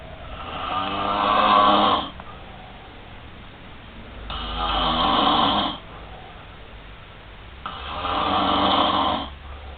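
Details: Roommate snoring: loud, rough, rattling inspiratory snores about every three seconds, roughly 17 a minute, with quiet pauses between.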